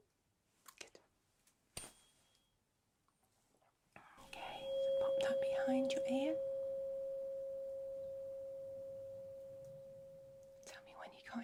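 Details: Rinne test in a simulated ASMR cranial nerve exam: a struck tuning fork placed on the bone behind the left ear rings a steady pure tone that slowly fades; the listener reports when it can no longer be heard.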